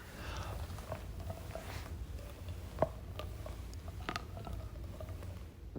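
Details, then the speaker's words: Neck joint crepitus in an adult woman with a chronically stiff neck, rotating her neck with her mouth open: several faint, scattered popcorn-like pops and clicks over low room hum. "anyone hear it basically sounds like popcorn she's she's got her mouth open and she's doing rotations and it sounds like popcorn is going to start shooting out of her mouth that's so gnarly"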